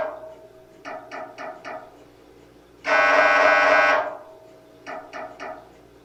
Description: Sample sounds of an MRI for anyone interested in knowing what to expect in order to feel better prepared. MRI machines are loud and like a large camera, but nothing touches you when you are having pic